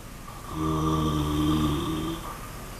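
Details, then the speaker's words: Badger asleep in an underground sett chamber: a single drawn-out droning buzz under two seconds from quiet background; snoring. "A snoring badger. Only the best for you on spring watch."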